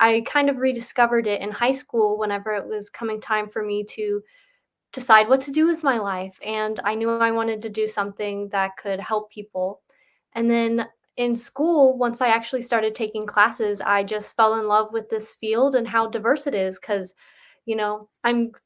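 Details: Adult woman; ordinary speech.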